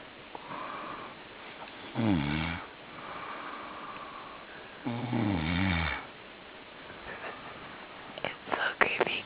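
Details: Adult man (Greg) snoring while camping: two loud, low rattling inspiratory snores about three seconds apart, softer breathy out-breaths between, a few clicks at the end.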